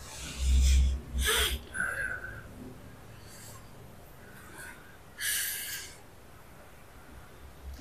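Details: Several forceful nasal snorts and effortful breaths in short bursts, quiet room noise between, from an adult during a massage session for right frozen shoulder pain radiating to arm, shoulder blade, neck and head; snorting.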